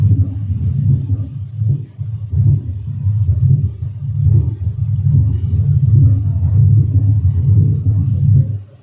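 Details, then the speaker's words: Low rumbling diastolic murmur at about 72 a minute in mitral stenosis, teaching auscultation recording. "again breathing okay effect over it accentuates on expiration since it is a left-sided number"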